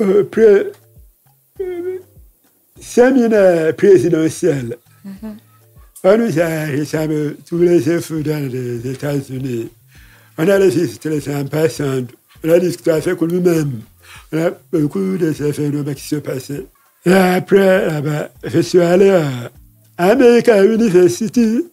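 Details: Deaf speech in French from a man who lip-reads. His hearing loss followed a childhood illness, which he says left his voice not normal.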